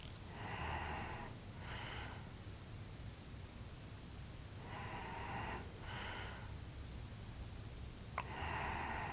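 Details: Snoring during a deep afternoon nap after a tiring morning of outdoor activity, recorded as a sleep ASMR vlog also featuring stomach sounds: steady breathing with rough, buzzing inhalations repeating at regular intervals, faint room noise.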